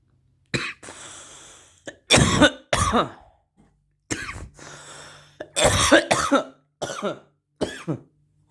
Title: I hotbox my garage and cough like a little bitch